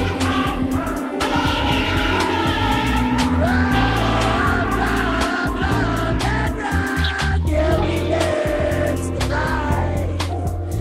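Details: Cochlear implant hearing simulation in single-sided deafness, two years after processor activation: music with strong bass and drums, unaltered on one side and simulated implant hearing on the other.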